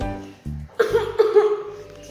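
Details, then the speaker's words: Demonstrated (acted) cough covered with a tissue over nose and mouth, showing cough etiquette. "Pertama, jika kalian batuk dan bersin, kalian tutup hidung dan mulut menggunakan tisu."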